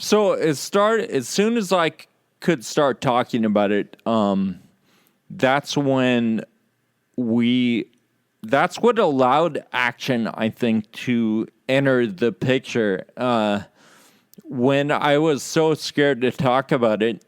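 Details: Real male patient with Friedreich's ataxia, a condition causing loss of muscle control and balance and slurred speech; dysarthria (ataxic, Friedreich's ataxia).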